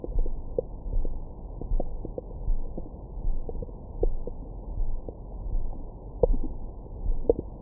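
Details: Own abdomen recorded with a stethoscope microphone after a large meal: low muffled rumbling with scattered gurgles and squeaks, ordinary stomach growling, normal bowel sounds.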